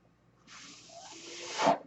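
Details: The speaker's own mechanical ventilator is heard running in the background as he talks during a spoken podcast; mechanical ventilator sound.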